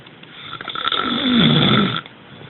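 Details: A single loud, rough, rattling inward snore lasting over a second; snoring.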